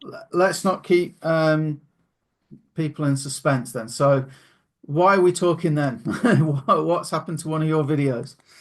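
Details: Adult male speaker; normal conversational speech.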